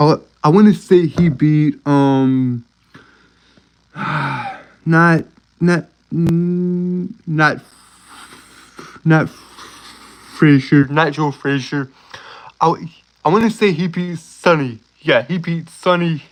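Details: Male speaker with a self-reported uncontrollable speech impediment, worse on words starting with s and when excited; stuttering.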